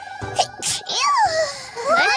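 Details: A Vtuber sneezing during a game stream: two quick, breathy sneeze bursts, then a squeaky high voice with game music behind; sneezing.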